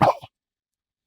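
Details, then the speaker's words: A deer, referred to as him, gives one very short, sharp cough-like burst with a faint follow-on, heard in the field while hunting; deer cough. "now if you open your mind to this cough same thing you'll hear that sound"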